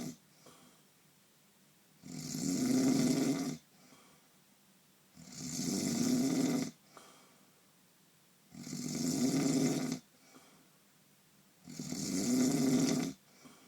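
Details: Loud, rattling snoring during sleep, four snores with quiet pauses at about 19 breaths a minute, recorded on a night described as a painful night's sleep.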